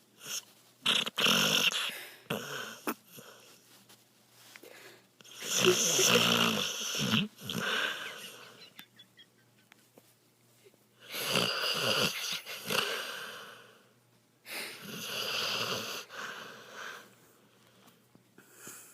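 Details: Raspy, rattling snores about every three to four seconds, each with a noisy breath in and softer wheezy breath out, from a dog snorting in the owner's arms; snoring.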